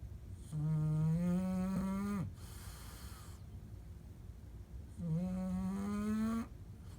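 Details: Snoring: two long, loud, tonal, whistling snores with a rising pitch, separated by a quieter breath out.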